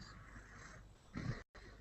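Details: A single brief, low, rattling snore from a participant who fell asleep late at night during an online class call, heard over a muffled line; snoring.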